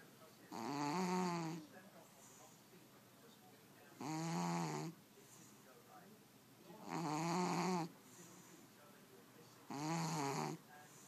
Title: Švrćo hrče (the snoring cat)